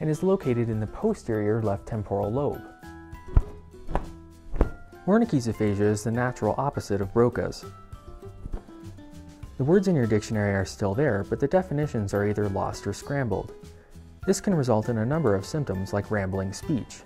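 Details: Adult male narrator; normal fluent speech.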